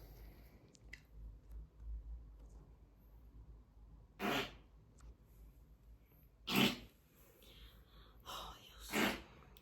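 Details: Person sleeping and snoring loudly with repeated snorts. They briefly wake saying they were dreaming (nightmares, of shooting), then resume snoring.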